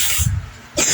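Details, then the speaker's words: An adult man's cough: a single harsh cough burst, a short pause, then a second noisy burst. "Tapos pakinggan natin yung ubo ni Kuya."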